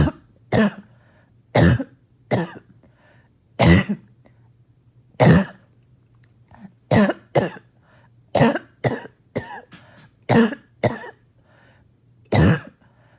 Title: More Barking Cough